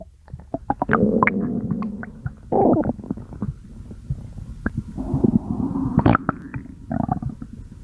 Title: stomach growling 9